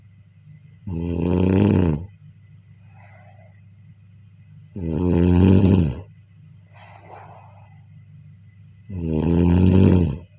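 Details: Three loud, low rumbling inspiratory snores about every four seconds, roughly 15 a minute, with quiet breathing between: snoring during sleep.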